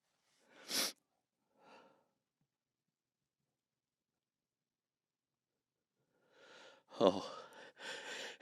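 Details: Sneeze in a sound-treated room, triggered by sniffing a substance that burns the nose and roof of the mouth: two short sniffs, a long pause, then a building inhale and an explosive voiced sneeze with a trailing breath.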